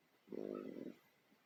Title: stomach growls 2